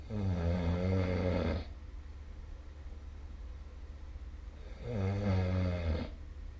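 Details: Snoring during sleep recorded with the SnoreLab app: two long, deep, rumbling snores on breathing in, with a quiet pause between them.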